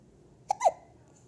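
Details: 3-week-old newborn: a single sharp hiccup, a brief click followed by a short squeaky vocal catch: hiccups.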